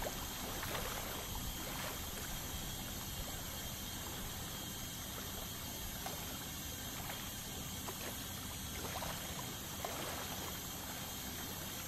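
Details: Ultrasonic scaling during a dental cleaning to remove tartar: a steady hiss of water spray and suction with a high whine and faint scraping ticks.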